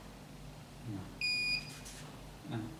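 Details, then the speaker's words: Syringe pump power-on beep: a single steady electronic beep of about a third of a second as the on/off button is pressed, while setting up drug titration therapy. "kita hidupkan serimpam dengan cara menekan tombol on off nih"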